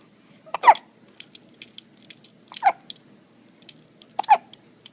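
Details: Ava with hiccups again: three sharp, abrupt hiccups about every 1.8 seconds, with soft breathing and mouth noises between.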